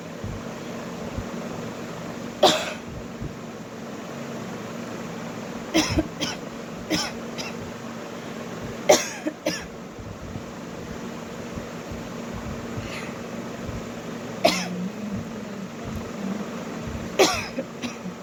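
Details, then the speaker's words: Woman doing about ten short, deliberate voluntary coughs, single or in pairs, for a coughing challenge, over a steady background hum. "तो पहले start करते हैं कितना खांसी आता है मेरे को देख के।"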